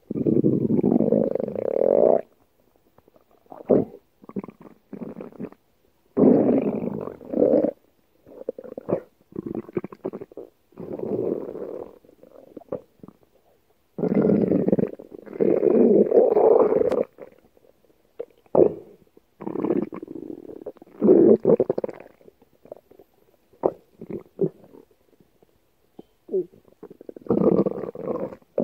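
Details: Loud gurgling, rumbling bursts of stomach growling separated by brief pauses, from a girl; borborygmi.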